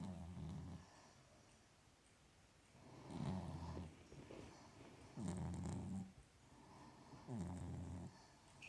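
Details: Small sleeping dog snoring: loud, low rumbling snores repeating steadily at about 28 per minute, with quiet pauses between them.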